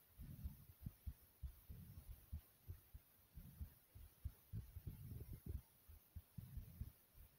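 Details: Rapid heartbeat after exercise.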